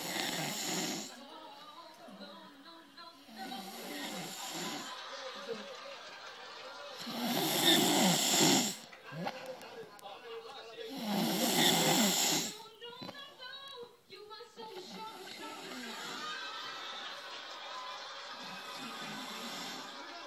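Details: Snoring during sleep: loud, rattling snores with each breath, about 16 per minute, with quieter breathing between them.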